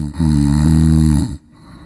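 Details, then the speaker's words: Single loud, low, rumbling inward snore lasting about a second, then quiet; snoring from relaxed throat tissue partly blocking the airway during deep sleep and vibrating. "इस दौरान गले के कुछ tissue कितने soft हो जाते हैं कि वह आंशिक रूप से वायु मार्ग व ब्लॉक करने लगते हैं और इस वजह से वाइब्रेशन होने लगता है"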